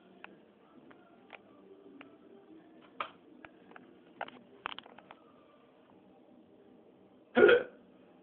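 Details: Repeated short, sharp hiccups at irregular intervals, about a dozen, with one loud burst near the end; ordinary hiccups.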